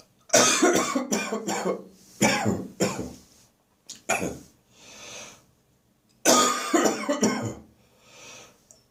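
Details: Persistent morning cough with coughing and gagging, recorded in a bathroom, a car engine passing outside the window midway.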